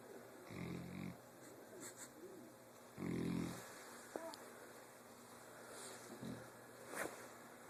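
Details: Sleeping dog snoring in a welding shop: low, rattling, irregular snoring breaths, about three snores, over a background hum; snoring.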